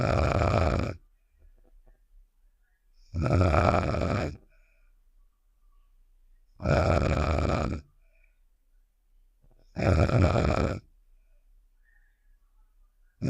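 Four loud, low, rumbling snore-like bursts about 3 seconds apart, with silence between them; a cartoon snoring sound effect.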